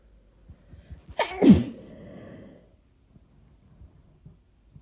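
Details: Single sneeze, covered, from a person who is sick: a sharp intake followed by a forceful burst, slightly muffled; sneeze.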